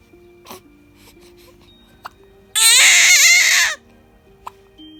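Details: Six-week-old newborn girl with hiccups gives a short, loud, high-pitched cry lasting about a second over soft background music; infant cry.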